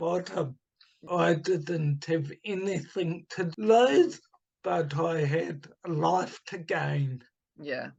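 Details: Adult man with dysarthria from cerebral palsy caused by oxygen starvation at birth, also affecting his right hand; speech formerly very slow, now improved to about two to three times faster but not back to normal.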